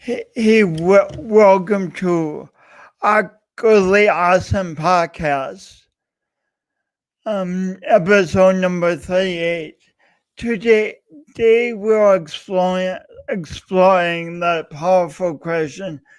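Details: Adult man with a self-described speech impediment of unnamed type; disfluent speech; speech impediment.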